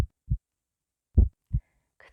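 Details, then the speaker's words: Two soft low lub-dub pairs heard through a stethoscope placed on the left side of the chest: normal heart sounds, about 50 beats a minute, in a children's demonstration. "to serduszko czyli nie tylko wsłuchamy jak oddychacie ale też jak widzicie wasze serduszko"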